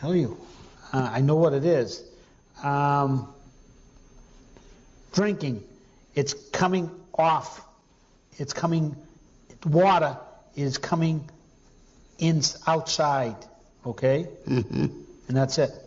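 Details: Female patient with fluent speech, good comprehension, poor repetition and naming, word and sound substitution paraphasias, atypically fast rather than hesitant; lesion in the arcuate fasciculus or its connections; conduction aphasia.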